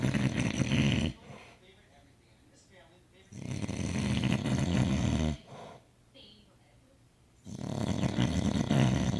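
Deep, rumbling snores of about two seconds each, separated by quiet exhalations, in a small room.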